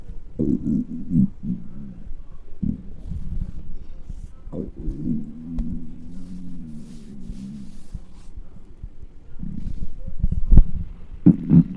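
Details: Very hungry stomach noises of a large person recorded with close microphone: hunger borborygmi.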